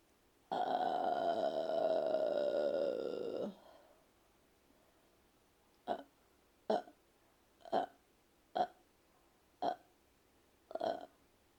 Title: help me with my burps.